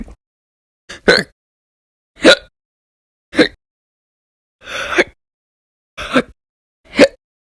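Seven sharp, abrupt hiccups, about one a second, loud and clear against silence.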